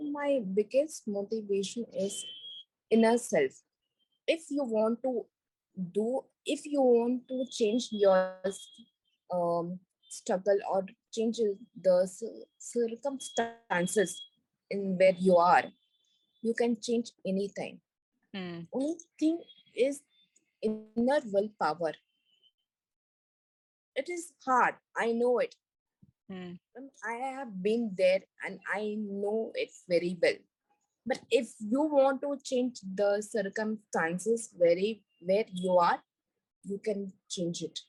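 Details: Woman about four years after a massive stroke at Everest base camp causing global aphasia (unable to speak, read, write or spell), after long speech therapy; residual word-finding errors and garbled words; residual aphasia after stroke.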